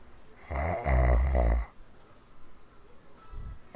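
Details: One long, loud, rattling snore on a breath in, then quiet breathing, recorded in 2015; heavy snoring.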